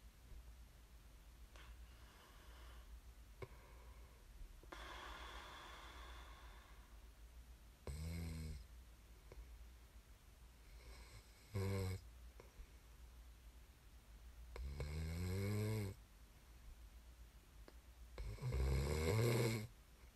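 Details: Deep, buzzing snores on breaths in, spaced by quiet breathing, about 4 snores in 20 seconds, steady room hum behind; snoring recorded as snoring ASMR.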